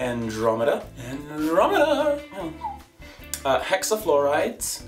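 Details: Adult female with Tourette-type tic disorder producing her current vocal tics (second quarter of the year), involuntary random-word vocal tics.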